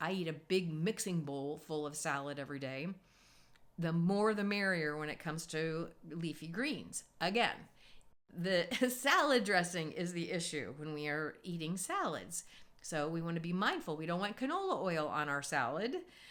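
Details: Adult woman; normal speech.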